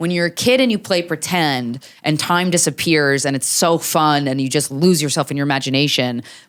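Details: Adult woman speaking; typical speech.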